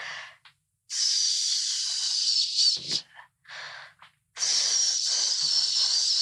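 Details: Stuttering in a 13-year-old boy who says he stutters; pause with breathing and gasp sounds before a word; stuttering block.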